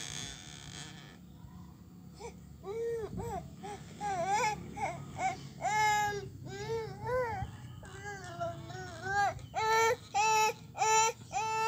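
Repeated crying bursts from a baby, about a dozen wails with short pauses between them, in a quiet indoor room.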